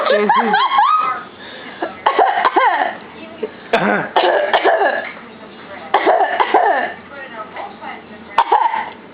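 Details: A few short, sharp adult coughs from the mother amid an infant's high-pitched laughing and squealing at the coughing; plain cough.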